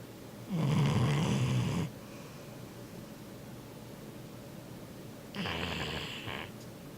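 Two loud, low, rattling snores, the first stronger and the second softer, separated by a few seconds of quiet breathing.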